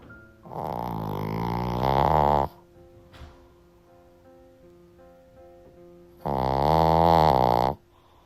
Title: Shih Tzu’s Snoring Sounds Like Sawing Logs 🪚🪵 🤣 #shorts #shihtzu